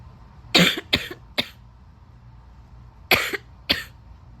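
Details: Coughing compilation of a person who became sick toward the end: five short, harsh coughs, a quick group of three, a pause, then two more.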